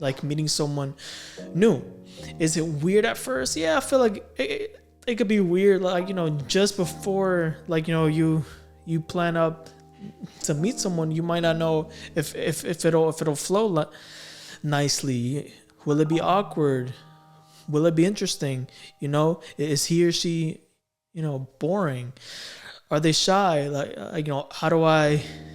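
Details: Stuttering in a male adult who has stammered since about age six or seven.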